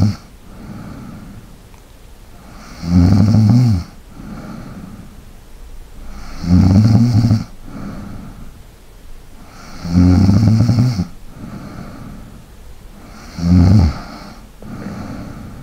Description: ASMR SNORING / LIGHT BREATHING. RELAX AND FALL ASLEEP TO THE SOUND OF SNORING.